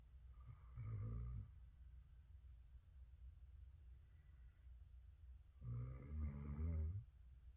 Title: S-norah 😴 the weimaraner snoring on the couch with Coco